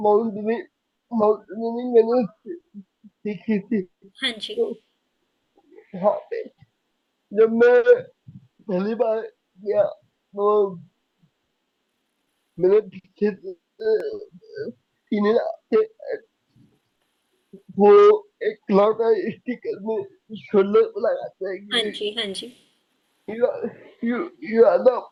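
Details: Young adult man with cerebral palsy since age 2; could not speak as a child and still needs double effort to speak, cannot say things clearly; dysarthria.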